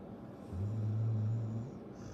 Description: First night of dog sitting for my friends, and their pit bull Stella is snuggled up on my leg and snoring away.